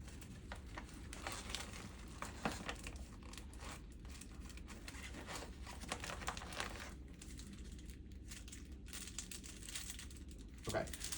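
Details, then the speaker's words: Crinkling and tearing as the second sterile supply pouch is opened in a small room, during a nursing demonstration of a line cap change and lab draw. "That's all that's in the first pouch. The second pouch, you'll tear open."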